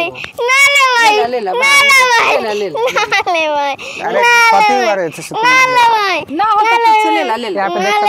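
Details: Loud, wailing, tearful crying in repeated rising and falling bursts from a child given an injection in the waist/hip; a staged, fictional scene made for entertainment.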